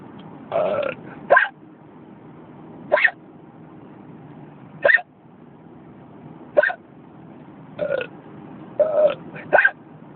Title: Hiccups in the car